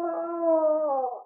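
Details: Simulated moan played by a paediatric simulator mannequin as one of several selectable vocal sounds; moaning.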